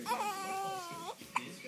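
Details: Hungry baby girl crying with hiccups: a drawn-out wavering cry ends, followed by a single sharp, brief hiccup-like catch; infant hiccups with crying.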